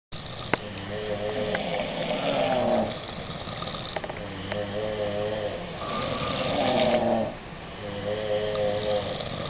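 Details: Girls on holiday snoring after a nightclub and alcohol: rhythmic, droning, buzzy snores with a whistling edge, recurring about every three seconds over steady background noise.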